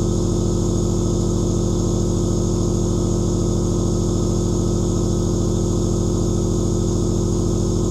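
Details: Nebulizer compressor running continuously: a steady loud mechanical hum with fast regular pulsing of about 160 a minute, recorded as aerosol white noise.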